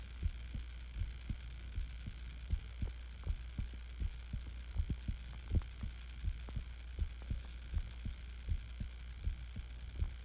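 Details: Own heartbeat recorded while sick with the flu, breathing also heard: steady low thumps at about 80 beats a minute, regular rhythm, faint hum behind; normal heartbeat.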